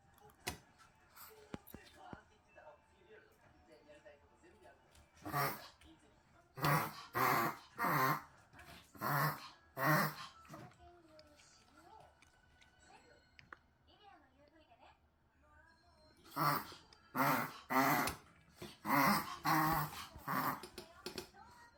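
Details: Dog reverse sneezing, with two runs of loud, rapid snorting inhalations; said to occur more easily after excitement or in dogs with long tongues.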